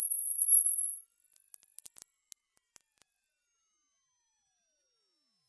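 A very high, pure whistle-like tone slowly rising in pitch for about five seconds, then stopping; a generated hearing-test sweep.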